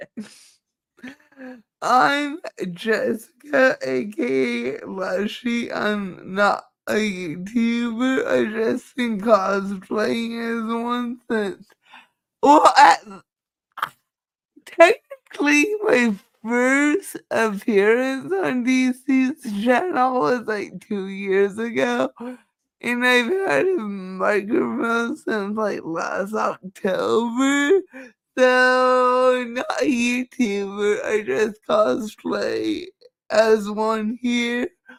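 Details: Dysarthria in a woman with cerebral palsy; she says the cerebral palsy is why she talks this way and that nothing can be done about it; real, not acted.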